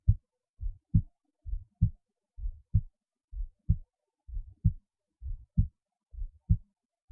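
Steady lub-dub heart sounds through a stethoscope at about 65 beats a minute.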